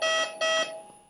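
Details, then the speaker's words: Vapotherm Precision Flow Plus high-velocity nasal insufflation unit, alarm when the power cord is disconnected in a demonstration and the unit goes into battery mode: two loud, bright tones. "if we disconnect the power cord from the wall the unit goes into battery mode"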